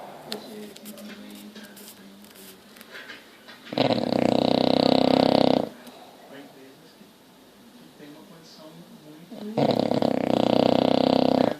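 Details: 7-month-old English bulldog puppy asleep: two long, loud, raspy snores about six seconds apart, with quieter breathing and faint room noise between.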